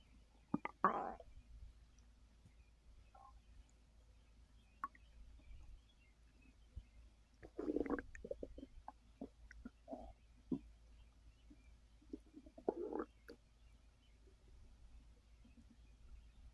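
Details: Adult resting on an overfull stomach after snacking: quiet gurgles, squelches and brief rumbles from the belly at irregular intervals; ordinary digestion bowel sounds after a large meal.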